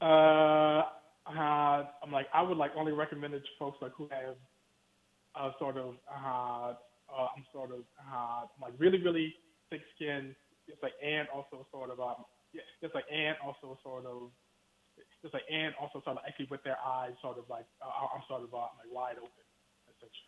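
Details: Stuttering in an adult man with a lifelong stutter he has worked his whole life to overcome, heard during an interview; the format is described as difficult for him because he relies on visual cues.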